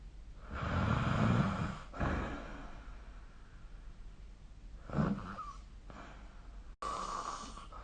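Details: Snoring during sleep recorded with the SnoreLab app: low rumbling snores with quieter breaths between them, in a quiet room.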